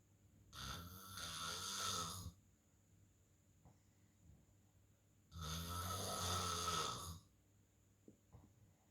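Two loud, harsh, rattling snores about five seconds apart, with quiet pauses between; a steady faint hum in the background.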